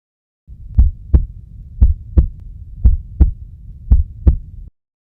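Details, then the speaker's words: Steady lub-dub heartbeat near 58 beats a minute with crisp S1 (mitral and tricuspid closure) and S2 (aortic and pulmonary closure), no murmur: normal heart sounds. "the Lu or S1 signals the closure of the mitol and tricuspid valves while the dub or S2 signals the closure of the aortic and Pulmonary valves those sounds are made by the blood gushing against the valves immediately after their closure"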